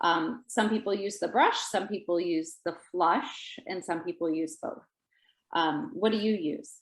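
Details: Adult woman speaking; Typical adult speech.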